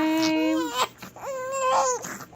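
Two sustained, tonal crying wails with a brief pause between them, an ordinary infant cry.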